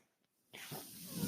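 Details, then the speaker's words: Near silence, then a steady airy hiss with a low whoosh as a podcaster's own mechanical ventilator delivers a breath while he speaks. "Oh everyone my name is that noise you're hearing is my ventilator and welcome to page-turners"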